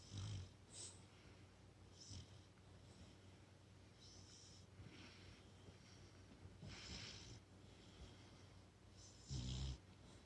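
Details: A brindle Boxer puppy snoring while asleep after a long walk and dinner: soft, low snuffling snores with a few louder snorts over a steady room hum.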